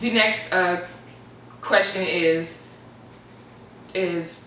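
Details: Stuttering in an adult; some stuttering edited out, though still representative.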